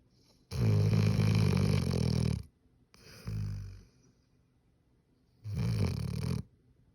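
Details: A hound dog asleep on a couch gives deep, rumbling snores, with long rattling breaths in and softer ones out; heavy but ordinary snoring.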